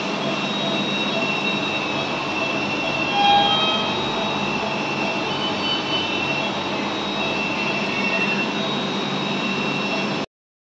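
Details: Newborn on CPAP for respiratory distress syndrome in NICU: constant rushing hiss with faint steady tones, continuous CPAP machine airflow noise.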